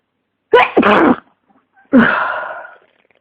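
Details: Person with flu, congestion and a pounding head sneezes loudly twice, the first a quick double burst, separated by a short pause: flu-related sneezing.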